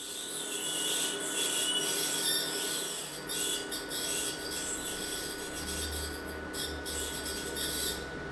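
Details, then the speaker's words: Ultrasonic tip removing old root canal filling material (gutta-percha) during retreatment of a maxillary second premolar in a 46-year-old woman; tooth root-treated ten years before, painful to chewing, overextended filling with periapical radiolucency; steady high-pitched whine with scratchy bursts. "retreatment is indicated good aperture is removed with ultrasonic tips"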